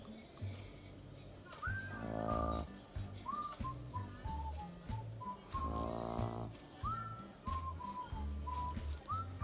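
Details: Snoring from a sleeping pug: two loud buzzing snores over background music with whistling; owner wonders whether dogs can have sleep apnea.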